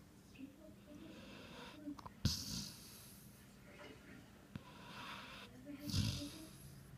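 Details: Big-nosed subject snoring: noisy nasal breathing with snorting, whistling snores and a few clicks over room noise; nasal snoring.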